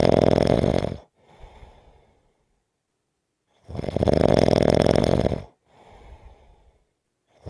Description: This is a 6 minute clip of snoring.